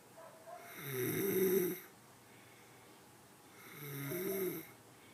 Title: Snoring 101